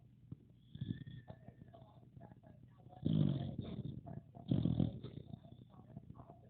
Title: Pocket Bully Puppy 🐶 SNORING!